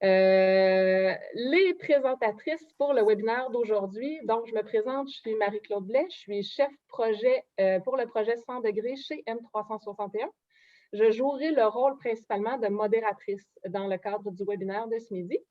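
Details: Adult woman speaking French; normal voice.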